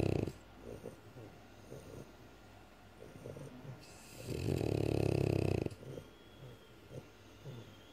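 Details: French Bulldog snoring very loudly: short snuffling breaths, then one loud, long rattling snore on the in-breath.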